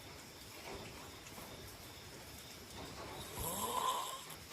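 Quiet room noise, then one soft, rising snore on a breath in during sleep.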